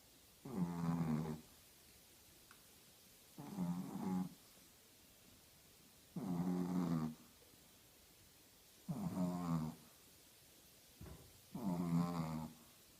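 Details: A 13-year-old female Shih Tzu snoring very loudly in sleep: rattling snores on each in-breath, about five in 13 seconds, with quiet pauses between.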